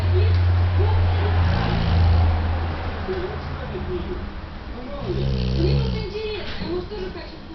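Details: Sleeping animal snoring with low rumbling snores over room noise while a companion animal licks it, making wet licking sounds; species not stated; snoring.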